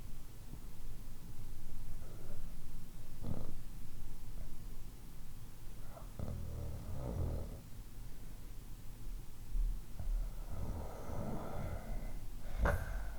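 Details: One of several snoring types demonstrated: low, rough, rattling snores recurring about every four seconds, with quieter breathing between them.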